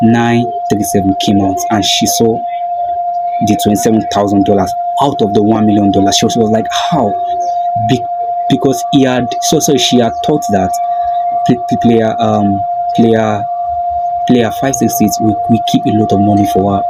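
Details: Male video host who self-identifies as a stammerer; stuttering.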